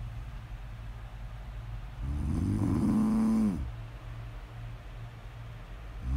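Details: Woman asleep: one long, loud, buzzing inspiratory snore of about 1.5 seconds between quiet breaths; snoring during sleep.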